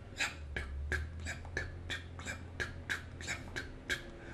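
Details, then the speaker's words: Vocal imitation of an S3 gallop, a three-beat rhythm with an extra sound just after the second sound during early rapid ventricular filling; linked to rapid heartbeat and left ventricular failure in heart failure. "since heart failure is more often this is associated with the rapid heartbeat it begins to sound like it's like a galloping rhythm that's why it's called the galloping rhythm"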